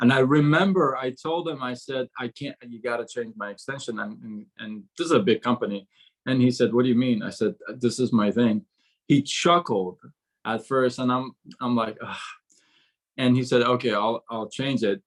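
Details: Adult man who began stuttering at about age six; from about age 13–14 to 24 he could hardly speak, gasping for air with chin shaking; still stutters on certain sounds such as "seven": stuttering.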